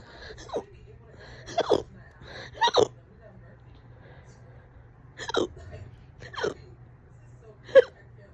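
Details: Fast, loud hiccups, on and off all day, this bout about 30 minutes: sharp hiccups with abrupt inward gulps, about seven in eight seconds, some in quick pairs.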